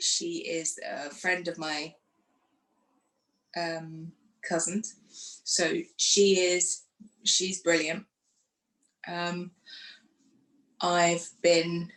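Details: Woman who had a stroke after surgery in 2018 at age 44, lost her speech afterwards and now lives with post-stroke aphasia; aphasia.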